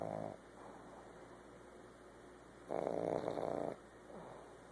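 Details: Loud, rattling snorts with quieter snuffling breaths between from a sleeping female pug nearly one year old, who snores all the time; noisy flat-faced dog snoring.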